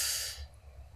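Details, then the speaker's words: Adult imitating the sudden big gasping inhale an infant takes before a pain cry, e.g. after falling and getting hurt, in a lecture on infant emotional development. "then you'll see it coming sometimes because sometimes it will begin with a big inhale so if they fall down and they hurt themselves you'll see them go"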